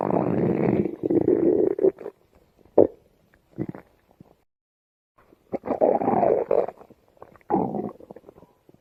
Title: gacha girl puts microphone on her stomach to hear her stomach growl